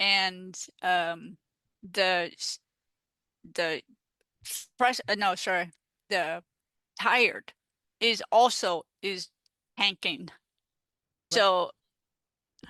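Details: Adult woman with aphasia after stroke, a peer-support advocate; finding: aphasia.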